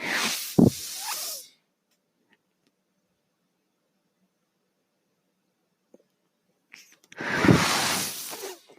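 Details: Speaker's own mechanical ventilator heard while talking on a podcast: two loud airy hissing bursts, each about 1.5 seconds, about seven seconds apart with near silence between.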